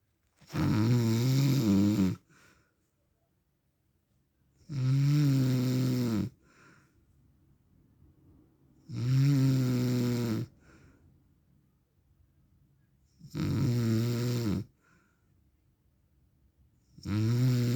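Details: Real recording of an adult man's snoring during sleep, described as husband or dad; loud, regular rattling snores on each breath in, about fourteen breaths a minute, with quiet breaths out between.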